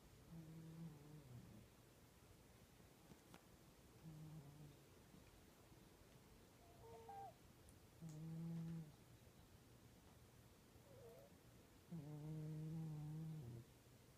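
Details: Snoring of a sleeping cat: low, buzzing tones on each breath, about 15 a minute.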